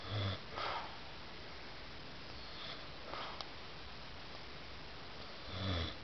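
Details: Snoring from a man in a quiet room: low, rumbling snores on inhalation about every five and a half seconds, with softer breathy sounds between; partner says he keeps them up a lot.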